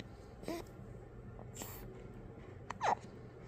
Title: Baby hiccups #baby #newborn